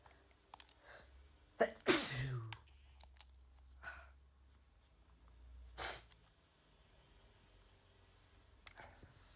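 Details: Sharp inhale then a loud sneeze from a man, followed by a softer second sneeze a few seconds later.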